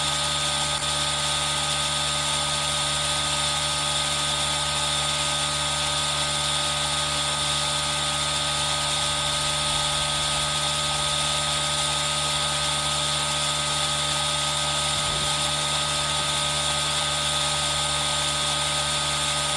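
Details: Aerosol nebulizer running for ASMR with rain sound mixed in, recorded on a Zoom H1n: steady mechanical hiss and hum, continuous throughout, with rain in the background.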